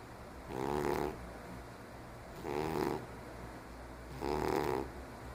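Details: A 15-year-old diabetic cat who breathes noisily nearly all the time, even asleep; three loud, rattling snores on the in-breath, about one every two seconds, with quiet pauses between: snoring.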